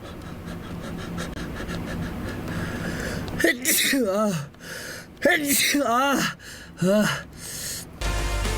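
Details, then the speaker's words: Person announcing in Korean that a sneeze is coming, then several loud, high, sharp sneezes in quick succession, each with a voiced burst, over background music; sneezing. "아이고 재채기 나올 것 같아. 재채기."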